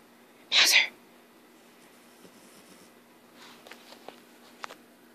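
A single sharp, hissing sneeze burst, followed by faint snuffles and small clicks in a quiet room.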